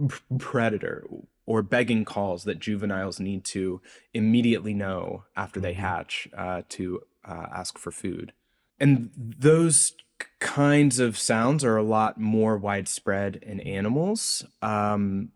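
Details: Adult researcher who says he has a speech impediment heard throughout the interview; speech impediment (disfluency).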